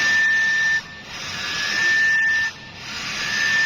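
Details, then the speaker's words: Hamilton T1/T2 transport ventilator started in NIV (non-invasive ventilation) mode: a steady electronic tone repeating in long bursts over loud machine hiss as ventilation begins. "Ini sensor tadi udah, terus kita tinggal selesai, tinggal start ventilasi. Ini modenya NIV ya, tinggal di start dan jadi."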